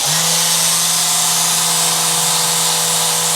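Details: Chiropractic session for right-sided TMJ problems, back pain and digestion: steady electric buzzing hum with a hiss over it from a handheld vibration therapy instrument in use.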